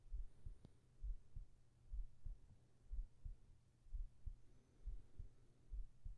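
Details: Soft, muffled low thumps in steady pairs at about 64 beats a minute over a faint hum, from a heartbeat recording made for sleep and relaxation ASMR with whispering: a normal heartbeat.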